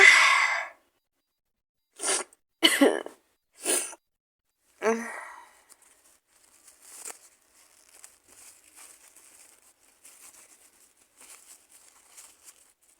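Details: A person sick with an awful cold, maybe flu, with fever, sneezing, coughing and blowing the nose with a handkerchief: several short explosive sneezes and coughs, then a longer blast, followed by quiet sniffing and rustling.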